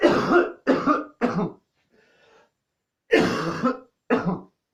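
Three harsh coughs in quick succession, a faint gasp, then two more coughs: a coughing fit.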